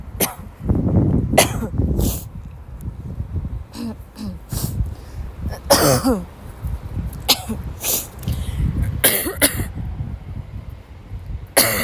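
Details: Repeated harsh cough bursts with gasping breaths between them, over steady background noise; a prolonged dry coughing fit in a girl who woke up sick, severe enough to leave class.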